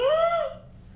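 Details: Non-speech vocalization from the larynx of a 16-year-old girl born with cerebral palsy who is unable to speak and cannot shape her vocal tract for speech; the sample was used to build her synthetic voice.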